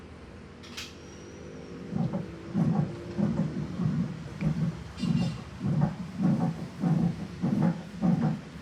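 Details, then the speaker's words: Mitral insufficiency, an incompetent mitral valve: regular heart sounds at about 97 a minute with a low rumbling fill between beats, a mitral regurgitation murmur with a third heart sound. "Pasamos a la otra válvula, insuficiencia mitral. La insuficiencia, ya saben que es incompetencia, en este caso de la válvula mitral."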